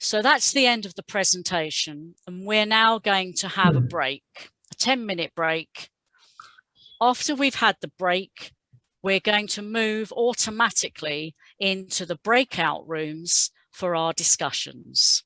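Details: Adult speaker; normal speech.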